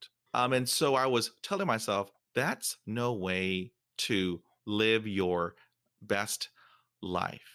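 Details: Stuttering in a 47-year-old man who has stuttered since fifth grade.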